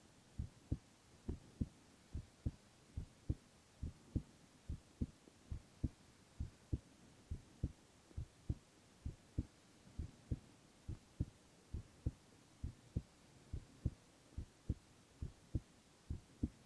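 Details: Male ASMR heart-sound recording with no talking: steady, regular low thumps at about 67 beats a minute over a soft hum; normal heart sounds.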